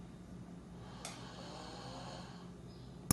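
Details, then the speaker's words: 15-year-old boy who snores a lot, with mouth breathing and 80% adenoid enlargement: quiet, steady low rumbling snoring during sleep, with a faint click partway through. "eu sou eu ea mãe pedro pedro tem 15 anos e ele ronca muito"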